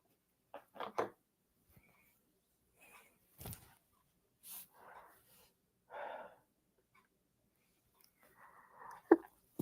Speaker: I gotta sneeze, y'all.